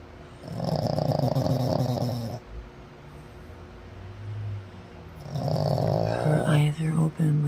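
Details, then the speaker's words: Pug sleeping with her eyes open, snoring; deep, rumbling, fluttering snores on each breath in, about two seconds long, with quiet gaps between; short-nosed dog snoring. "She is snoring with her eyes open. That's some scary movie shit right there."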